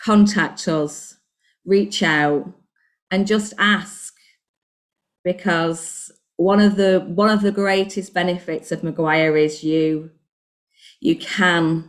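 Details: Adult woman, self-described covert stammerer using circumlocution, recorded before starting a stuttering programme: stuttering.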